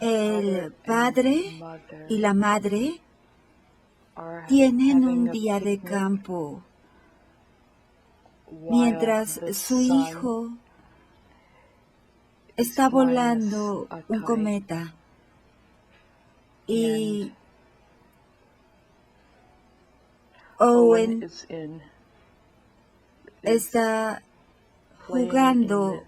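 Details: 58-year-old right-handed woman with logopenic variant primary progressive aphasia, symptoms beginning 4 years before recording, describing a picture; logopenic variant primary progressive aphasia.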